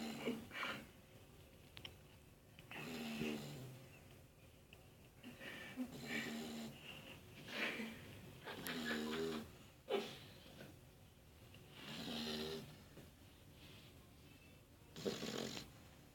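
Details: Slow, rattling snores at about 20 breaths a minute with some whistling, from a sleeping Cane Corso dog; snoring.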